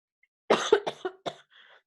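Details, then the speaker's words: Adult lecturer coughing during a Zoom class just as they start talking about COVID: a quick run of about five short, sharp, dry coughs ending in a faint breathy trail. "Miren, empiezo a hablar del COVID y empiezo a toser."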